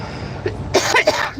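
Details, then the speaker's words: Adult driver coughing while driving: a brief double cough over the low, steady hum of a moving vehicle. "sorry about the coughing guys I'm sure that's cringeworthy to hear that"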